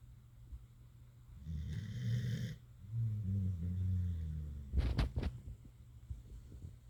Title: Buddy the Staffie having a nap (turn up the volume for some cute snoring!) 😴🐶😍